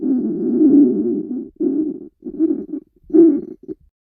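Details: Hungry stomach growling from a girl in a swimsuit: low, gurgling rumbles in several uneven bursts, borborygmi of an empty stomach.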